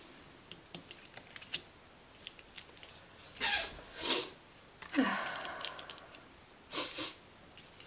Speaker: My cat just sneezed. Did you hear that?